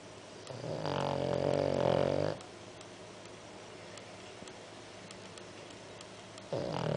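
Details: Sleeping dog snoring louder than a person: a long, buzzing, rattling snore on one in-breath, a quiet pause, then the next snore starting, in a quiet room.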